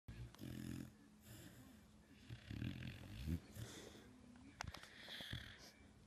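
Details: Snoring from a sleeping dog.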